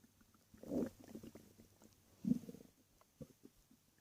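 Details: Two low gurgling rumbles then small bubbling pops from a person lying in bed at night; stomach growling (borborygmi).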